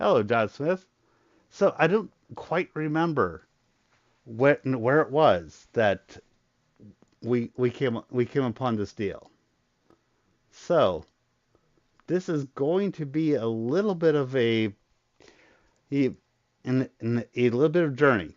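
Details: Adult male with a very large stutter, controlled to a degree after a lot of voice therapy but still present: stuttering.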